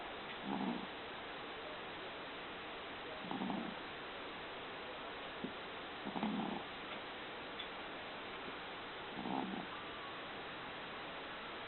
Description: My little Maltese, Mia, snoring...